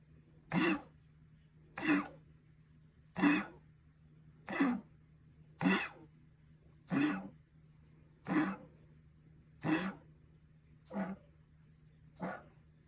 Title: coughing #2